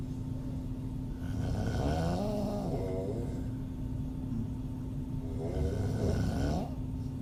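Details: Adult female open-mouth snoring, audio only: two long, rough, rattling snores on breathing in over a steady background hum.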